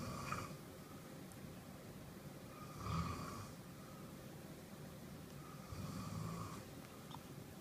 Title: Daddy snoring